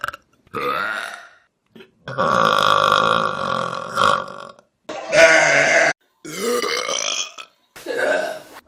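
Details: Burping compilation: six loud, prolonged, rumbling burps in quick succession; repeated belching.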